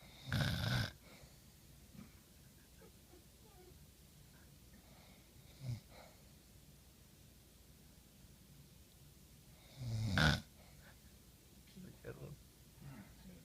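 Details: Person who fell asleep while watching a film, now snoring: two short snorting snores about ten seconds apart with soft breathing between, quiet room; snoring during sleep.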